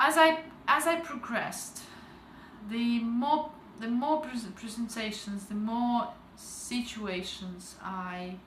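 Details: Adult woman with stuttering since age 12, recovering after a stuttering treatment program, with slight residual difficulty and audible word repetitions.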